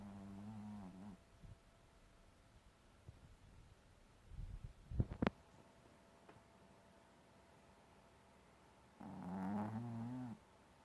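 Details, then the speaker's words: A female teacup Maltese sleeping deeply, snoring loudly like a human all night, gives two low, buzzing breaths separated by a quiet gap with faint sniffs and clicks; snoring. "The noise that you hear is coming from the dog. To say her name. This is Darla snoring. She snores just like a human."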